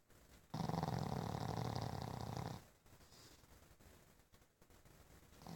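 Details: Pug snoring: a single loud, low, rattling, fluttering breath lasting about two seconds, followed by quieter breathing.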